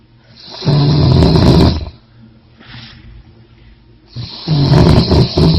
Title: The Snore